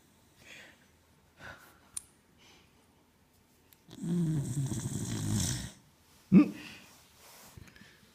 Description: Coco the dog loves to lie on her back....... And snore